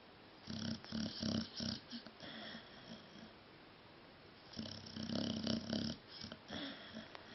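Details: Sleeping pet snoring while dreaming: rhythmic, rumbling, fluttering breaths in two runs with quiet pauses between them; snoring.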